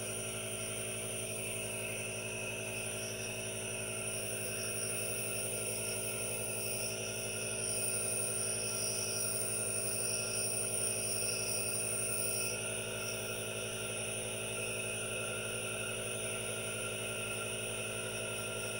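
Steady hissing hum of a nebulizer compressor with no breaks: a running aerosol nebulizer.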